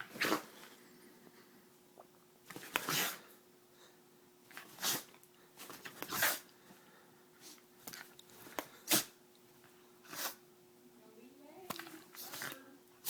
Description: My dog sneezes when he gets excited!